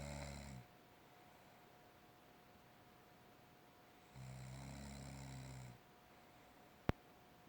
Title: Snoring sister